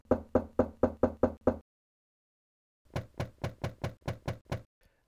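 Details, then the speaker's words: Osteophony of the lower limbs: a stethoscope over the pubic symphysis while each patella is percussed. Two runs of dull taps, the first crisper and louder; the left leg sounds abnormal, suggesting disruption of femur, hip or pubic ramus. "just place your stethoscope over the pubic symphysis on the patient and peuss each patella if there's a disruption in the femur in the hip joint or in the pubic RI The Sounds will be"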